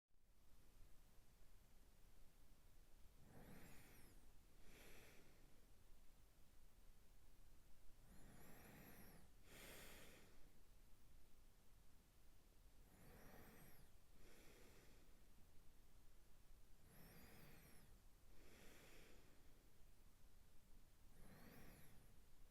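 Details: Slow, regular, noisy sleep breathing with rough snorting on each breath, about 13 breaths a minute; snoring of a sleeping man, from a sleep ASMR recording.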